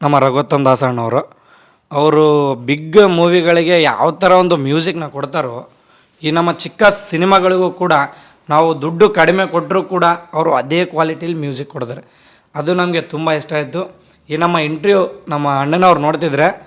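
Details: Adult man speaking; Normal speech.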